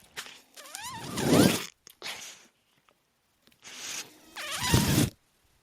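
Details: The speaker's own mechanical ventilator, heard while he talks: the ventilator cycling.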